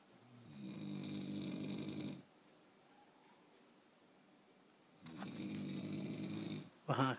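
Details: Two long, rumbling snores separated by quiet pauses, from a loud snorer, with a brief voice at the end.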